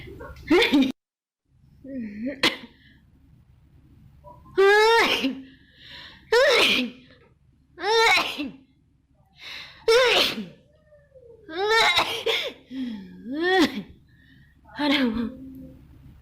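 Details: Several loud sneezes with voiced gasps and exclamations, about one every two seconds, induced by nasal swabbing during COVID-19 PCR swab tests.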